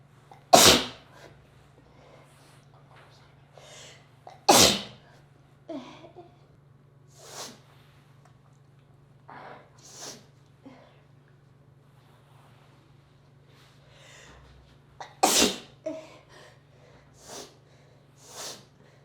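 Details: Adult woman sneezing three times while reading aloud: sharp explosive bursts between soft, quiet speech-like sounds.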